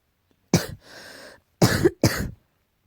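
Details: Three sharp, harsh cough bursts, the first followed by a hissing outbreath; repeated coughing, tagged allergy.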